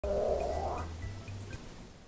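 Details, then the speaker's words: Adult woman's stomach growling and gurgling while she is talking on camera. "Listen, stomach, if you could stop making gurgle noises while I'm trying to present to the class."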